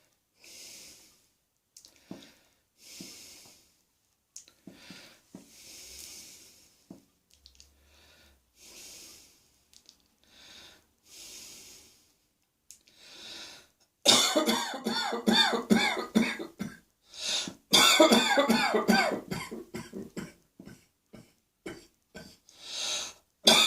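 Quiet, breathy breathing gives way to a long run of loud, harsh, rapid coughs: a coughing fit.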